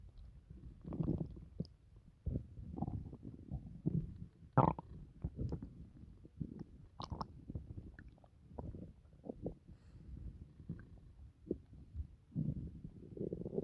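Quiet, irregular gurgles and rumbles from the abdomen, some sharper bubbling pops: ordinary bowel sounds after a meal.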